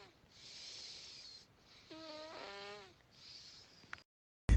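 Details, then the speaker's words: Adult man recorded snoring heavily after drinking tequila the night before, compared to a broken modem; hissing breaths with a buzzing, tonal snore; snoring. "de hecho me grabó provocando tremendos ronquidos ahorita visita nos va a pasar el audio para que escuchen yo parecía módem roto parecía sin computadora del 98"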